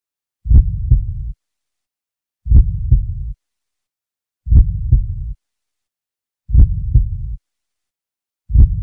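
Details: Simulated heartbeat sound effect from the Roblox game Survive The Red Dress Girl: slow, regular low thumping, about 30 beats a minute.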